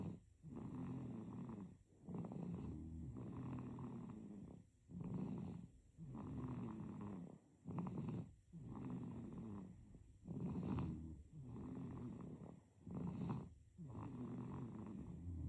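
Soft, rattly snores repeat with each breath, roughly 20 a minute, with short pauses between them. Snoring in a sleeping baby.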